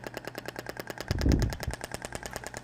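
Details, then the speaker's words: IBRAMED Thork shockwave device applied statically with gel, 2000 shots, at frequency 10: rapid regular clicking pulses, about ten a second, with a brief low rumble partway through, sounding distinct from the higher setting. "Ah então a frequência de 10 consequência menor então o barulho é um pouco distinto do outro tá eu faço estático"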